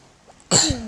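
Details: A single sharp, harsh cough burst after quiet, with a short rough tail.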